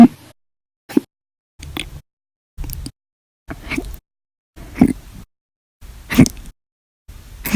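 Short, abrupt gulping bursts, roughly one a second, about seven in the clip. These are repeated hiccups.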